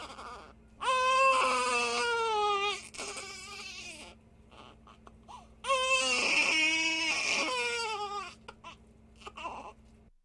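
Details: Baby crying sound effect: an infant cries in two long, high, tonal wails separated by breathy gasps and whimpers: infant crying.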